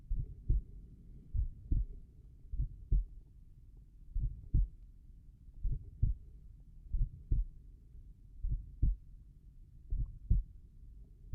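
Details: Normal heart sounds at the tricuspid area, slow steady lub-dub at about 43 beats per minute, clear paired sounds, no extra sounds.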